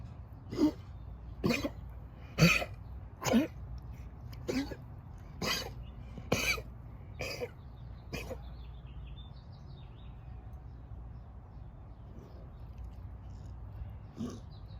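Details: A dog gives a rapid run of about nine short, harsh coughs, then one more after a pause.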